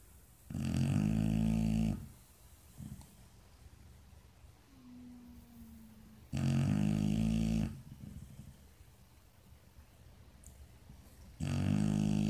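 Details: Dog deep in sleep snoring: deep, buzzing snores on each in-breath, roughly every five seconds, about 12 breaths a minute.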